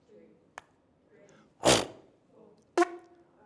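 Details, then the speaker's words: Adult with lifelong Tourette syndrome (also ADHD) deliberately demonstrating each individual tic, about 16 in all: sudden brief vocal tics including a click, a sharp breathy burst and a short yelp. "Yeah, man. Mum, man, eh? Did I do that one? No? Okay. Okay, about 16. Sometimes there's more."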